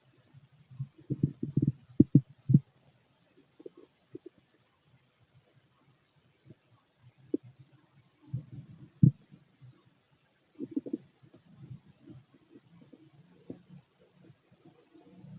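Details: Fit adult male, empty stomach: scattered low gurgles and short rumbling bursts separated by quiet stretches. These are bowel sounds with fairly little activity.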